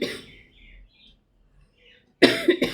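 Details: Cough, attributed to allergy from fabric dust and said to have cleared then returned: two short, dry cough bursts after quiet; allergic cough.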